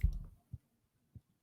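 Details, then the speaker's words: Mechanical heart valve clicks from a woman who spent 7 months in hospital after an infection spread to her heart: two short, sharp low knocks about two-thirds of a second apart, loud enough to hear aloud. "know if you can heard out but I have mechanical valves and they're really loud and they're beating"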